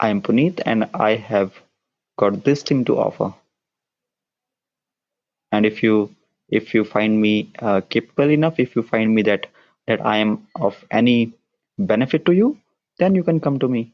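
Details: Adult man who describes himself as a person with a stammer, speaking in a podcast interview; part-word and word repetitions heard; stuttering.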